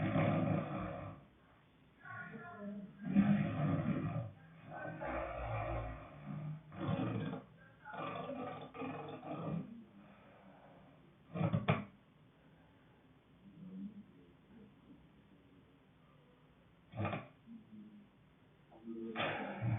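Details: Sleeper with loud, harsh, growling snores in irregular bursts, some with brief snorts, gaps between; heavy snoring.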